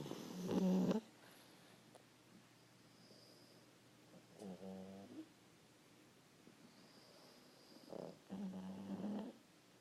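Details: Pug (small flat-faced dog) snoring: low rattling snores on breathing in, separated by quiet pauses.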